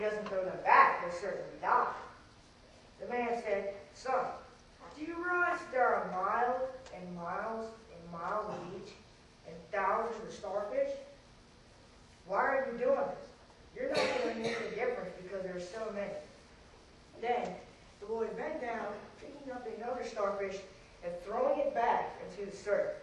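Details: 14-year-old boy with cerebral palsy after a premature birth 13 weeks early with lack of oxygen to the brain; he was expected never to talk and had speech therapy; dysarthric speech.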